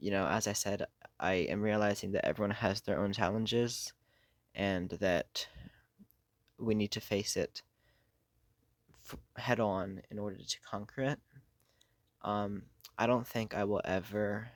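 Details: Adult who has stuttered for most of their life, worsening over the past few years, with blocks, getting stuck on words and substituting words; stuttering.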